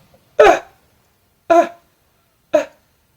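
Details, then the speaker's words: Weak cough in a person with Duchenne muscular dystrophy whose lungs work poorly and who uses a Cough Assist machine daily: three short, soft, breathy coughs with little force. "So it provides me with a lot of air so that when I do cough it's more powerful because my lungs don't work great and my cough"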